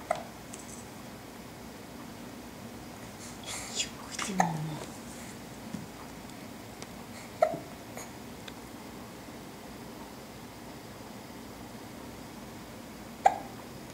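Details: Infant babbling softly with a few sharp, brief hiccups in a quiet room; ordinary harmless infant hiccups.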